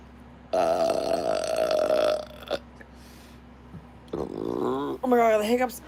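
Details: Burping, with hiccups also mentioned: several drawn-out voiced belches with quiet room hum between them.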